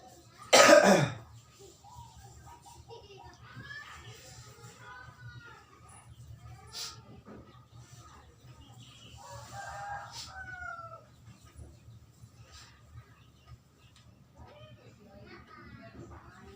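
One loud, harsh cough followed by quiet room sounds and faint distant voices; cough with flu.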